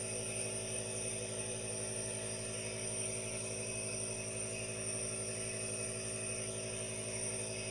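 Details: Steady mechanical hum with faint regular pulsing and hiss: a running aerosol nebulizer producing vapor, recorded as no-talking ASMR white noise.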